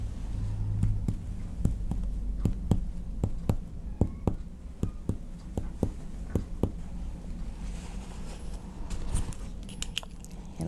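A series of sharp finger-percussion taps moving down the right chest toward the abdomen, with the note changing from resonant to dull at the liver's upper border.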